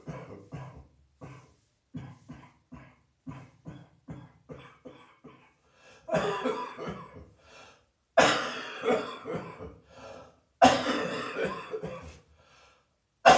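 A run of soft, short coughs builds into three loud, harsh, drawn-out coughing fits from a chest cold.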